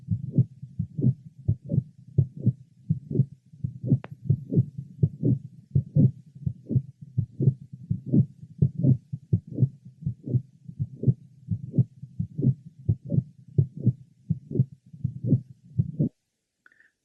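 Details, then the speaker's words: Patient with atrial septal defect and mitral valve prolapse, heard at the apex: regular heart sounds near 80 per minute with a late systolic murmur; no systolic click has ever been heard. "another patient with atrial sepal defect and mitro valve prolapse note late apical systolic mmma no systolic click has ever been heard Apex"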